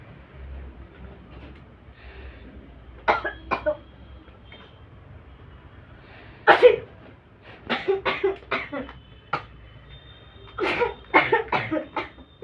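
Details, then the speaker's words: Several bursts of harsh coughing, some in quick runs, with a possible sneeze, from someone trying a sneezing challenge for the first time; a pungent inhaled irritant causes more coughing than sneezing and difficulty breathing. "ரொம்ப காட்டம் ஏறுது எப்படின்னா தும்மல் அவ்வளவு இருமல் தான் அதிகம் வருது"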